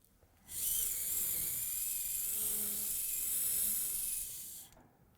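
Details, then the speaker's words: Late single dental implant (Conelog Progressive-Line) after 3.3–4.3 mm form drills, where bone is hard to enter: a dense bone drill whines at a steady high pitch for about four seconds. "now you see how hard it is to come in so for this reason we use a dense bone drill"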